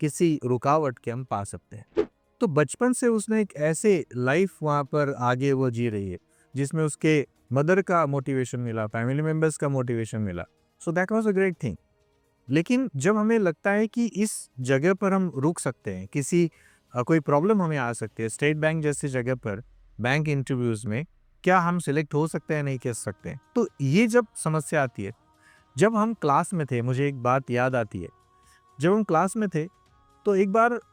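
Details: Adult speaker; normal speech.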